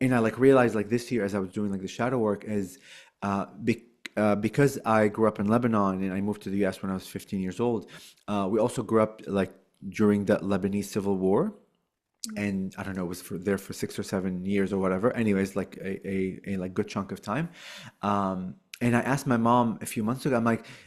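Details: Adult woman who stutters; she suspects onset in childhood during the Lebanese civil war; finding: stuttering.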